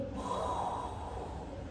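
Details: Mouth imitation, not a real recording, of the decrescendo diastolic murmur of aortic regurgitation: breathy blowing sound starting loud and fading; decrescendo diastolic murmur.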